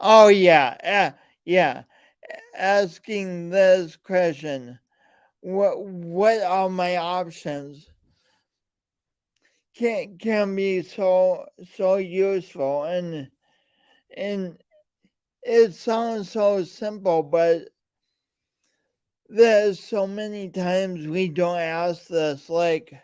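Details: Man with a speech impediment present since birth, alongside coordination issues; speech impediment with disfluent speech.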